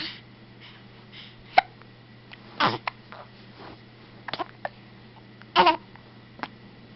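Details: Two to three short, sharp hiccups over about seven seconds, with faint room noise and a steady low hum; hiccups.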